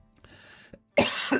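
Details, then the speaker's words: Single harsh, forceful cough, preceded by a faint breathy sound, from an adult who says they are very sick. "That sounds rough. I'm Yeah, I'm sick. It's fun."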